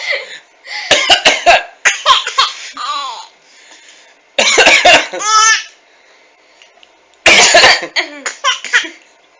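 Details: Three separate bouts of harsh, explosive coughing, each a quick cluster of bursts ending in a voiced, wheezy tail.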